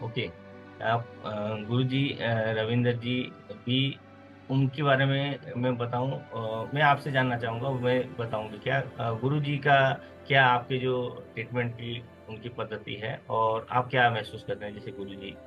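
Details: Adult speakers in conversation; ordinary speech.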